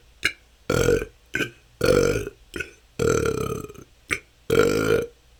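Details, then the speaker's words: Person diagnosed with IBS, with excessive belching they say has lasted a couple of years and can go on for hours: a rapid run of about eight short and long belches in five seconds. Frequent, repetitive belching. "that's 10 minutes this can go on for hours this has been my struggle for the last couple of years it seems like somehow didn't let out enough gas and have stored up so much that it just I have hours and hours of gas to let out"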